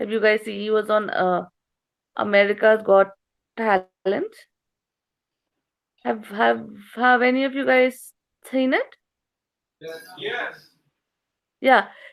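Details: Stuttering in an adult female stand-up comedian with a slight speech impediment since growing up; she says she stutters in conversation, though less than on stage.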